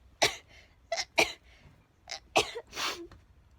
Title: sneezing compilation